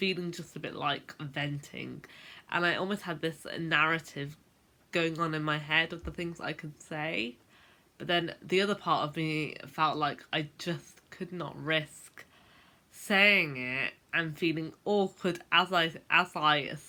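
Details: Adult woman who has stammered since about age 10; stuttering (stammering).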